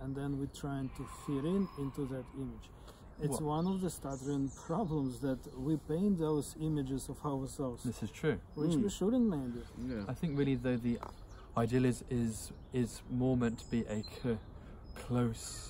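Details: Adult who stutters (self-described stammerer) speaking on a podcast about stuttering and speech techniques; stuttering.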